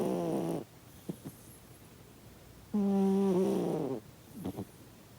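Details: Sleeping cat snoring loudly, possibly dreaming: two loud, whistling, tonal snores with soft clicks and snuffles between them.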